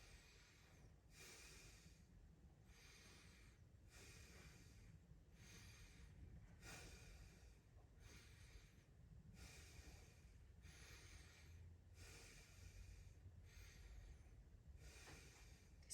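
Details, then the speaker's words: Normal vesicular breath sounds heard by stethoscope over the posterior chest during deep breaths in a male patient's respiratory assessment; clear bilaterally, respiratory rate 14 and unlaboured, no crackles, wheezing or rhonchi. "I don't hear any adventitious bread sounds uh no crackles no wheezing uh no ronai"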